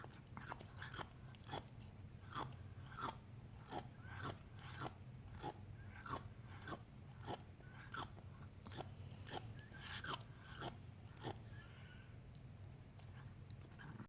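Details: Older cat grinding its teeth after eating: rhythmic crunching and grinding clicks, roughly two per second, teeth grinding (bruxism).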